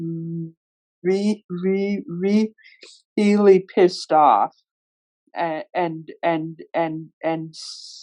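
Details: Man who stutters, moderating a workplace webinar; stuttering.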